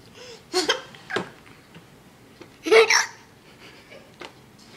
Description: started getting the hiccups so she would laugh which caused more hiccups.